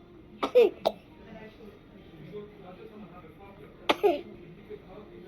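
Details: An infant who is eating well but coughing gives two short bursts of small coughs, about four in all, with quiet room noise between: cough.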